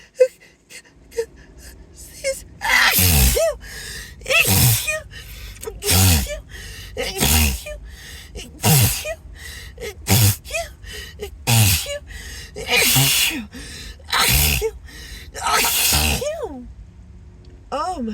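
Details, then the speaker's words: Acted sneezing fit; the person suspects an allergy and says something tickles in the nose. About a dozen forceful sneezes in a row, each led by a gasping in-breath, over background music. "oh gosh I just can't stop sneezing God sorry sorry"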